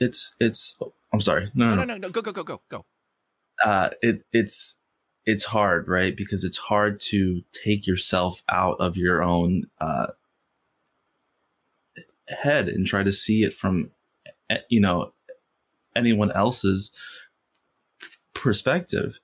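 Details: Stuttering in an adult man who has stuttered since first grade and stutters most when asking people for things or saying something important.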